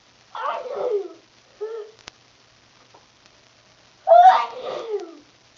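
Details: Person deliberately triggering sneezes with flower pollen and trying to stifle them, with a sore throat: two muffled, held-back sneezes with a brief soft voiced sound between; stifled sneezes.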